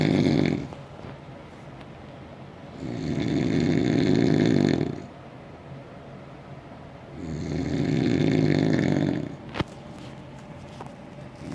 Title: SUPER LOUD SNORING